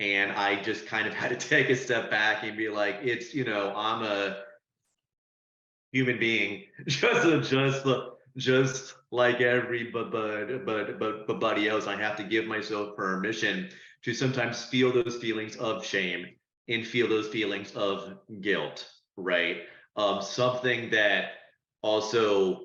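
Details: Adult who stutters, originally from China, first-year PhD student, with a past of covert stuttering behaviours; repetitions heard; stuttering.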